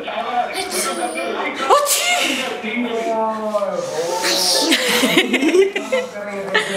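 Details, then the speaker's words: Young boy learning to fake a sneeze on an adult's prompt: voiced bursts and giggly vocal sounds imitating sneezes, with adult voices nearby; playful pretend sneeze, not real. "चलो अब हम छींक के दिखाएंगे।"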